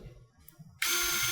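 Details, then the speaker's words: Surgical wire driver used during pelvic fracture fixation in a dysmorphic pelvis, optimising guide-wire position in the upper sacral segment before drilling for a CurvaFix implant: quiet room noise, then a sudden steady high-pitched whirring motor. "I'll take the uh wire driver to me now, please. So, now I'm going to optimize my wire position so that I can get my drill in."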